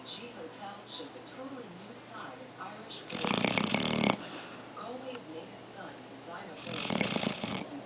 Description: Apollo snoring & dreaming